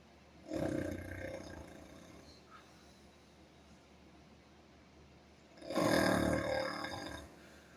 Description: You've fallen into a deep sleep. I want to sleep too. Please don't make snoring noises.